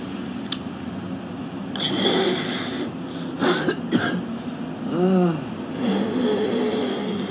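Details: Young woman smoking outdoors at about minus 20 degrees, phlegmy smoker's cough: harsh, wet coughs and loud throat clearing with hawking of phlegm before spitting.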